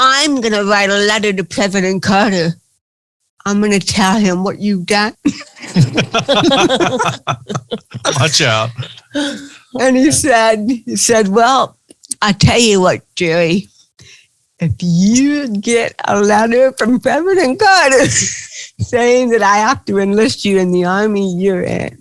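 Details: Adult woman with cerebral palsy, real (not acted), recounting her own life in an interview; dysarthria (cerebral palsy).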